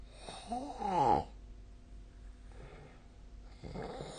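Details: Nightly snoring recorded with the SnoreLab snore-tracking app on 15 December 2024: a single rattling snore on inhaling, then quiet breathing in a still room.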